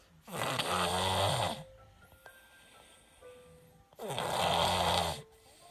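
Two loud, harsh snores about four seconds apart, with quiet breathing between and faint background music; snoring with a head cold.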